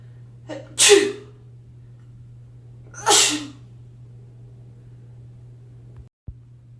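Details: Two forceful sneezes about two seconds apart, the first preceded by a quick inhalation, over a steady low hum; dust-triggered sneezing.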